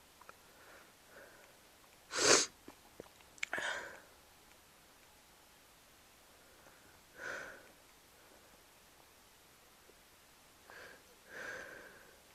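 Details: Several sneezes during a cold at the stage of getting better, past its peak: one sharp loud burst followed by softer ones, with sniffing between, in a quiet room.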